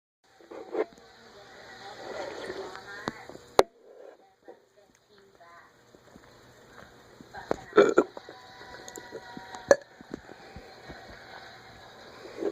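A few short throaty burps amid quiet room noise and faint voices; belching, air brought up from the stomach.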